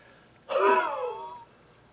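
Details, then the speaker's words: A person demonstrates a single hard, forceful exhalation producing musical whistling tones: voluntary wheeze from small bronchioles collapsing and narrowing during forced exhalation. "when you exhale really hard you can make yourself wheeze you can cause your own bronchioles to collapse"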